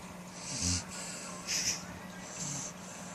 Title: Cute Doberman snoring